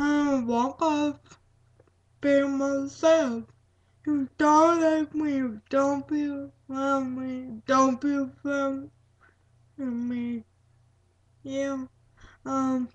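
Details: Female speaker with cerebral palsy; dysarthric speech in cerebral palsy.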